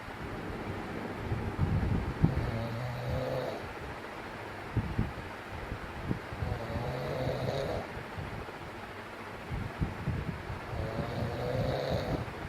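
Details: Rough, rumbling snores every four to five seconds, about 14 a minute, from a man sleeping soundly and loudly for a second night in a row; snoring.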